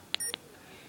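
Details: Two short high beeps with a brief tone between them from a Medtronic MiniMed insulin pump as menu buttons are pressed while setting a temporary basal rate of 80% for three hours.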